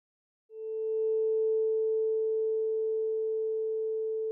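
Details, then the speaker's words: Pure steady tone of a struck vibrating tuning fork placed medially on the patient's head for the Weber test, which compares bone conduction in both ears; normally heard equally in both ears. "the weber test compares bone conduction in both sides start by placing a vibrating tuning fork medially on the patient's head"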